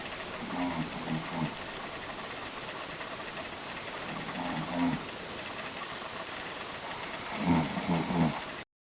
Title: Snoring